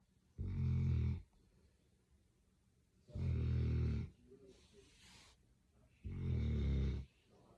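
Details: English Springer Spaniel dog snoring so loudly it sounds human: three loud, deep rumbling snores about three seconds apart, roughly 20 breaths a minute, with quiet exhalations between; snoring.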